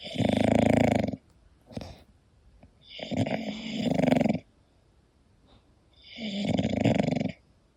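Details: Sleeping English bulldog snoring: rough, rattling snores, about three snoring breaths in under eight seconds, with quiet gaps between.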